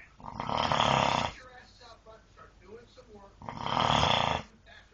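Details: Snoring away during sleep: two long, loud rattling snores, one at the start and one near the end, with quiet breathing between.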